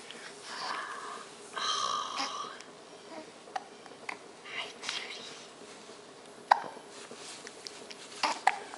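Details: Infant with ordinary hiccups: soft, sharp hiccup catches at irregular intervals under quiet adult talk in a small room.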